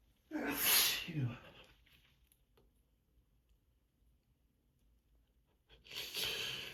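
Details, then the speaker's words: Adult with seasonal allergies, tired, having repeated morning sneezing fits into tissues: two forceful sneezes separated by a few seconds of quiet. "These allergies. Been giving me a rough time this year. It's gonna be another long day."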